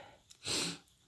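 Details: Single sneeze from a female: a sharp, hissing burst of air.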